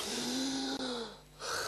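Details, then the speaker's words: Untreated obstructive sleep apnoea in a man: light snoring, then breathing pauses of 10 seconds to a minute, ending when he gasps for air; a loud, rough snoring intake breaks off. "mitten im schlaf hörte udo bertram auf zu atmen einfach so eben noch leichtes schnarchen und plötzlich ruhe zehn sekunden 20 sekunden manchmal eine minute nach"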